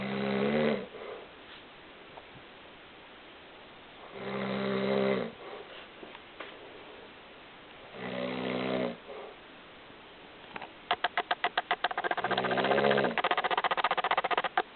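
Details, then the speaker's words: Adult man (dad) snoring loudly during sleep: loud rattling snores on each in-breath, about 15 breaths a minute, with quiet pauses between; a child speaks briefly near the end. "I take um I'm taking a video of dad snoring"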